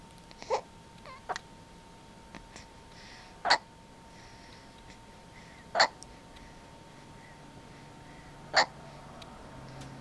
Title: Sleeping with hiccups